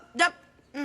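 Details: Two abrupt, short bark-like voiced yelps out of context, acted involuntary vocal tics of Tourette syndrome in a schoolboy in a film scene.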